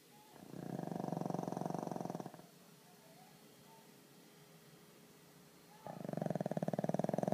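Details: Pug sleeping and snoring: loud, rough, rattling snores on each in-breath with quiet pauses between, in a flat-faced dog.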